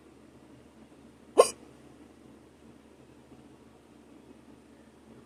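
A single sharp, abrupt gulping click against a quiet background; one hiccup.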